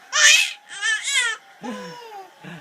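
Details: Infant entertained after father's sneeze: short high-pitched vocal bursts like excited squeals or brief cries, with softer adult sounds after.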